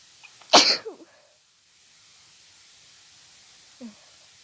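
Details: A person with seasonal allergies, during an intense sneezing fit after sneezing all day, gives one loud explosive sneeze with a brief vocal trail; sneezing.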